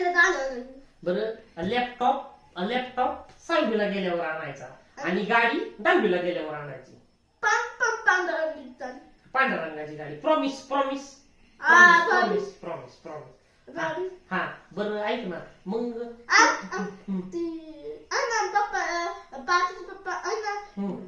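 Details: Nine-year-old boy deaf since birth, after three to four years of speech therapy (weekly in the first year, then monthly), talking with his therapist; speech of a child with congenital hearing loss.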